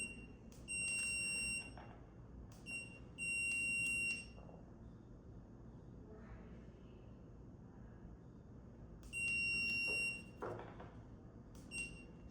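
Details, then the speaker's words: Short high beeps at the start and end of brief cures: a dental curing light, pressed gently against brackets under an indirect bonding tray, tack-curing each bracket for 5 seconds during digital indirect orthodontic bracket bonding. "I've just tacked now these for 5 seconds each so they're set in position."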